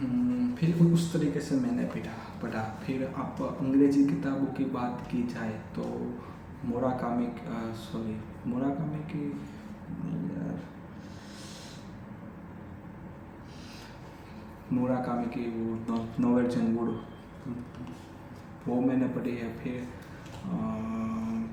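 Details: Adult male who has stammered since childhood, doing daily stammering practice (breathing, tongue twisters), speaking spontaneously in Hindi with repetitions of words and phrases; stuttering.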